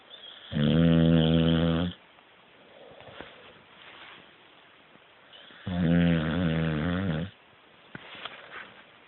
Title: Snoring puppy. my lucy.